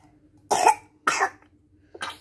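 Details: Baby still somewhat coughing while recovering and on medicine: three short, separate cough bursts in a quiet room, a mild cough.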